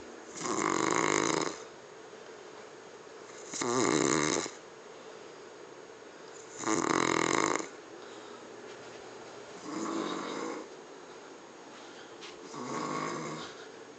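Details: Man passed out asleep after cooking dinner, steady rhythmic snoring: five loud rasping snores about every three seconds over quiet room hum.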